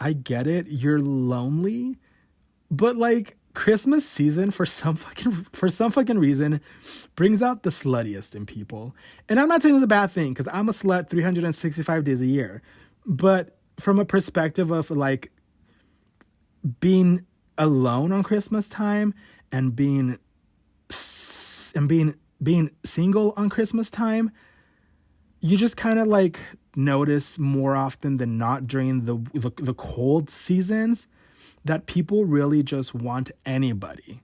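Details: Adult male with stuttering since about age 5–6, worse since his teens; real, unedited stutter: stuttering.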